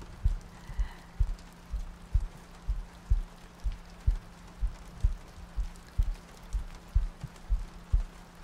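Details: Heartbeat in an ASMR sleep-aid loop: soft, regular low thumps at about 62 per minute under steady rain ambience, with soft breathing also in the recording.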